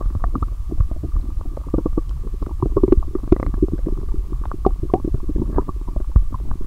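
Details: Person lying down after drinking a lot of lactic acid bacteria drinks, belly recorded: continuous low rumbling with frequent gurgles and pops; very active bowel sounds (borborygmi).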